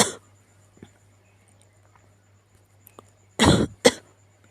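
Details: Sick cat with cough and sneezing: two harsh rasping expulsive coughs after quiet, low background hum.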